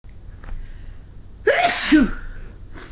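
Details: Person sneezing in winter after clearing snow from the sidewalk: a short intake of breath, then a single loud, explosive sneeze with a voiced 'choo' ending.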